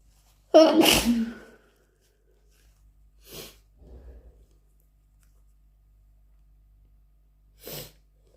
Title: Induced flu sneezes plus blows part 2